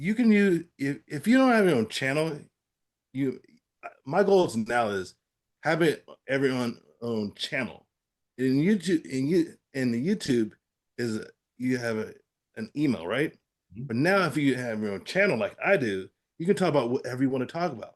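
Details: Aphasia after a stroke in an adult man; finding: aphasia.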